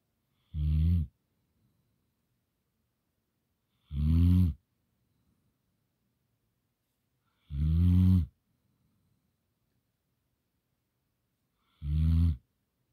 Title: Snoring Gampr Dog